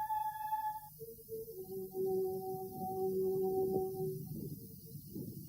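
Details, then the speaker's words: Microphone placed inside a pregnant woman's uterus records outside music (the 5th Symphony) as a fetus hears it: muffled, low sustained tones over a deep rumbling background. "Des chercheurs ont placé un micro dans l'utérus d'une femme enceinte. Ils ont enregistré la manière dont les bébés comme Marjorie entendaient les sons du monde extérieur."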